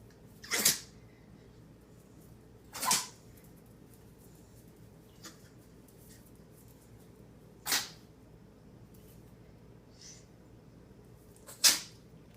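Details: Dog's sneezing fit: four sharp, hissing sneezes in quick succession over about twelve seconds, with quiet room noise between.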